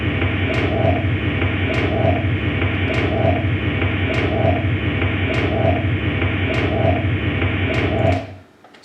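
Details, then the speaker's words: Mitral regurgitation murmur, leakage and backflow through the mitral valve: a muddy, steady whooshing heart recording, beats about 50 a minute. "next let's look at mitral regurgitation this would be if there's leakage happening from your mitral valve so you get a little bit of backflow as a result"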